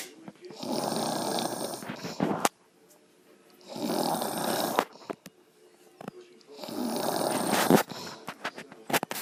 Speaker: You done snoring? Mom. Mom. Done snoring?